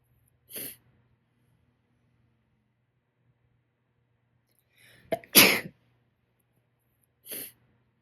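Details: Morning sneezing fit: three sneezes in eight seconds, a soft one, a loud one with a sharp intake before it, then another soft one.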